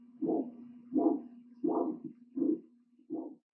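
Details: Handheld Doppler over the right popliteal artery of a 60-year-old male smoker with one-year right calf claudication and no palpable right popliteal pulse: pulsing whooshes at about 83 a minute.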